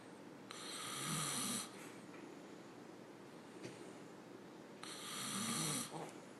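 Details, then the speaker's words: Father ("Papa") snoring in sleep with a baby beside him making a faint miniature snore; two raspy, hissing inhaled snores about four seconds apart over quiet room noise. "I think Papa's teaching him how to snore there's kind of like a miniature snore coming from the baby that off"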